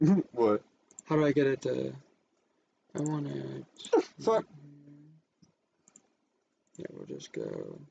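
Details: Adult speaker; ordinary speech.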